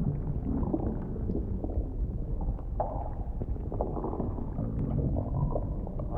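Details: Simulated vore-roleplay ASMR of stomach noises as food digests: continuous low gurgling and rumbling from the belly, recorded up close with no speech.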